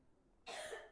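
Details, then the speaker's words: A single short, harsh background cough from a household member during a cold, after a quiet moment; the household has had a lot of coughing lately. "can hear the coughs in the background"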